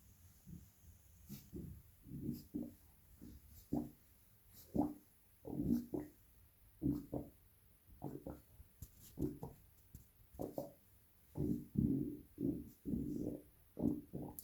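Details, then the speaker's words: Adult on day two of a two-day fast voluntarily pushes the abdomen in and out, producing repeated low gurgling stomach rumbles, first time ever able to do this: deliberately induced borborygmi. "I've never been able to do that before. Just pushing in and out my abdomen. It's making all this internal noise."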